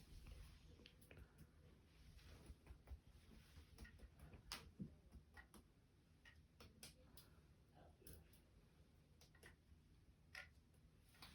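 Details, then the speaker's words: Finger percussion over the front lung fields in a head-to-toe exam: series of soft hollow taps giving a normal resonant note, equal bilaterally, no abnormal sounds. "good so again we heard the Renaissance everyone here we didn't hear any abnormal sounds when we percuss and they were equal bilaterally"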